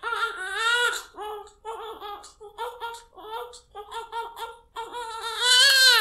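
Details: High-pitched newborn crying in short repeated bursts, rising to louder wails at the start and end.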